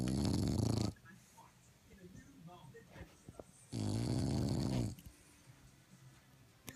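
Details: A sleeping bulldog puppy gives two loud, rough, low snores about three seconds apart, with quiet breathing noises between them; snoring.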